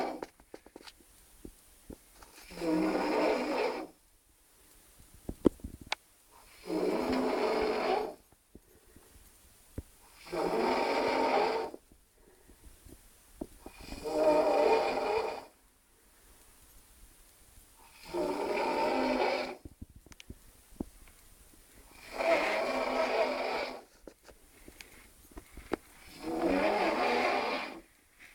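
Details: A man who passed out drunk outside the toilet gives loud, harsh snores at about 15 per minute with quiet pauses between, waking housemates; snoring.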